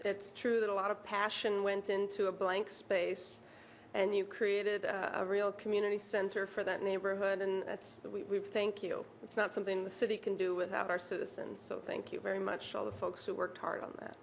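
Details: Adult woman speaking; ordinary speech.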